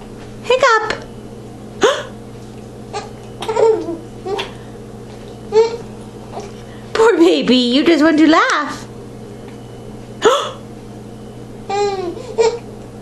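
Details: Hiccups in a baby girl after eating sweet potatoes: repeated short, abrupt voiced catches interrupting her babbling and giggles, in a quiet room.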